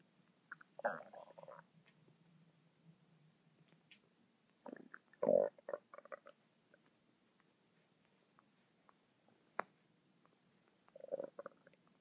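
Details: Quiet, scattered gurgles and squeaks in a quiet room from a stomach described as making noises non-stop for 10 minutes: stomach rumbling, ordinary bowel sounds.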